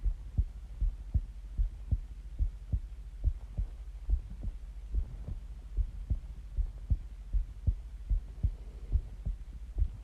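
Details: Heartbeat and breathing recording: regular paired low thumps at about 78 beats a minute over a low hum; steady heartbeat.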